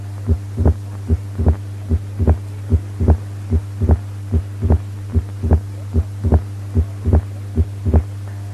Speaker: Pulmonary hypertension, P2 louder than A2.